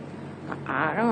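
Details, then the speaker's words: A brief, rising, warbling whoosh from the ultrasound machine during the speaker's echocardiogram: the machine-generated Doppler sound of blood flow through the heart, not the actual heart sound. "It's basically just a machine-made sound. It's just a machine interpreting the blood flow in the sound. Right. It's not the actual sound."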